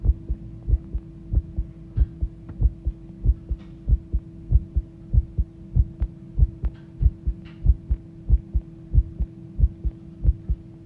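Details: Regular, strong low thuds at about 94 beats a minute over a steady hum, recorded when the heart started pounding; mildly fast heartbeat.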